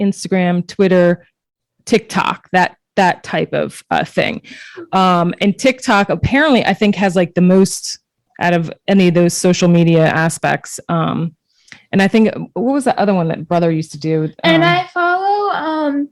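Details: Adult speaker; Ordinary conversational speech.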